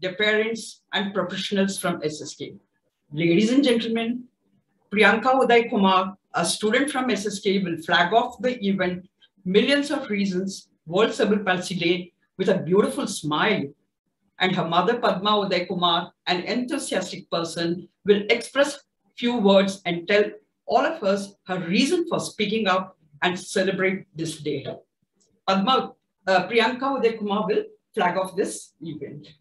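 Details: Adult event host; typical speech.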